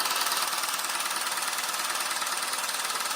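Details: Handheld at-home low-intensity shockwave therapy device, marketed for erectile dysfunction, applied to the sides of an adult man's penis in a second round. Fast, steady mechanical tapping at about 140 pulses a minute; he reports no pain.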